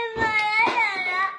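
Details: Pakistani baby: short, high-pitched, wavering wail; ordinary infant crying.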